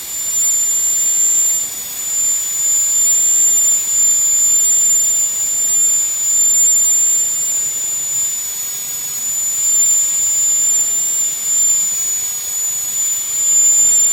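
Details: Dental high-speed handpiece cutting the distal side of tooth #46 on a phantom for a full metal crown preparation, bur kept parallel to the long axis; steady high-pitched whine with brief pitch dips.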